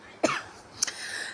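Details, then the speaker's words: Woman with a cold, cough and catarrh, during a facial treatment: two brief coughs, the first sharper, the second a short throat-clearing burst. "I'm interested pardon my cough so Naza is doing uh he's still removing the hairs of my face after that the next thing so me she applies"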